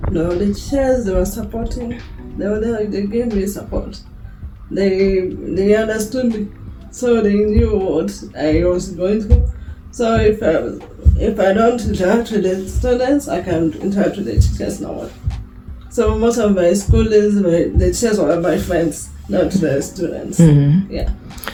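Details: Young woman with a lifelong speech impediment present since birth; began talking around age 9–10, and people could not understand her speech; drooling also reported. Finding: speech impediment.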